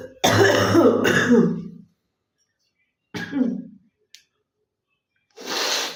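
Three voiced coughs, two in a quick pair and a shorter one after a pause, then a breathy exhale; a plain cough.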